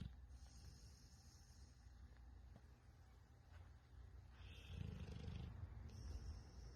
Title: my crazy dog snoring like a grown man